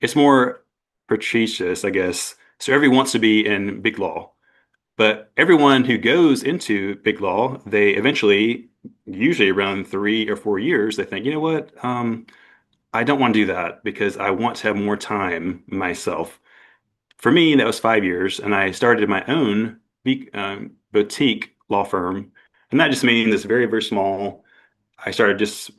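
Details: Adult male attorney with mild aphasia and apraxia of speech after a stroke at age 41 with no warning; the aphasia began as global, then Broca's, and is now milder; he finds the apraxia worse.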